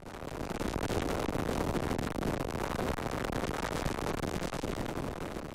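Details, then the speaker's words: Dense crackling static with rapid pops: neurons firing in the brain rendered as sound, in a brain-computer interface lab developing mind-controlled devices for paralysed patients. "That is the sound of neurons firing inside your brain, and it's the key to controlling machines with our thoughts."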